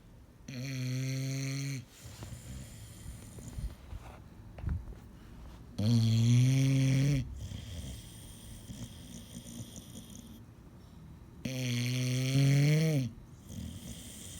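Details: Loud low rattling tonal snores about every five to six seconds with quieter breathing between, from a sleeping bulldog; snoring.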